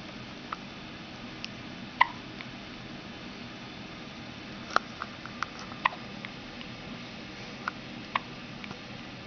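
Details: Newborn about five hours old with hiccups: brief sharp clicks recurring irregularly, about 20 a minute, against quiet room noise.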